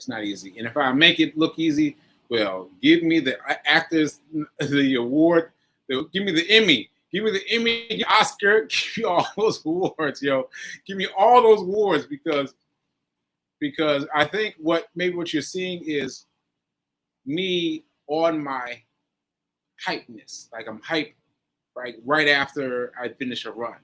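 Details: Adult man with aphasia after a stroke on 7/14/22, recorded about one year later, with fillers and restarts; post-stroke aphasia with mild word-finding difficulty.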